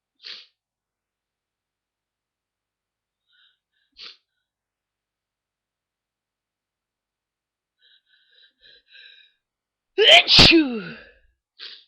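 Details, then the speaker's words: Early-morning sneezing fit with watering eyes: quiet breaths and sniffs build up to one loud, forceful sneeze with a voiced burst; an ordinary sneeze. "I was just so sneezy this morning, and I thought I'd try to give you a few."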